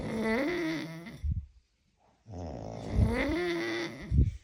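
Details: Synchronised snoring by friends at a sleepover, tagged as drunk: loud, rough, buzzing snores with deep vibrating breaths in and out and a pause between them.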